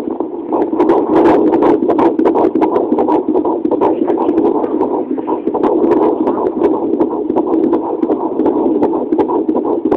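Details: Fetal heartbeat: a rapid whooshing pulse of roughly 160/min over a steady hiss.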